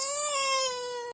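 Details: Baby girl crying while she has hiccups: a single short, high-pitched wail, sustained and tonal, that ends abruptly.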